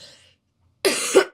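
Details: Girl with a cold and a very sore throat coughing: a single harsh, noisy cough burst after a brief quiet pause.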